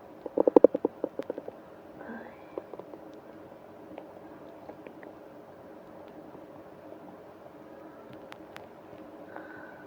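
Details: Rapid run of gurgling bowel sounds, then fainter intermittent gurgles, from a person with a stomach ache on a business trip, with moaning: borborygmi, stomach growling.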